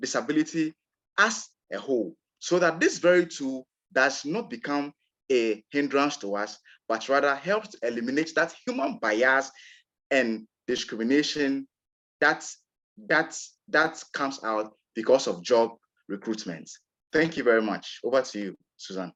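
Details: Adult man from Ghana who describes himself as a person who stammers, real recording of his own speech; stuttering.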